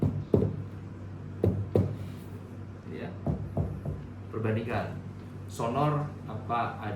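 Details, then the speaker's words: Resonant (sonor) percussion note, several hollow taps over the chest during a thorax examination demonstration: percussion in an S pattern at six points from the apex. "tapi di tengah juga masih sonor ya karena ee yang bagian apa ee perifernya masih ada udara seperti itu ya."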